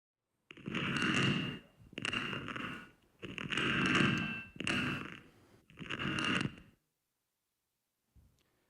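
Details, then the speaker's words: Damaged knee cartilage: five long grinding, crackling bursts as the knee bends and straightens, knee crepitus. "Okay, that unsettling sound you've just heard is actually what damaged knee cartilage sounds like."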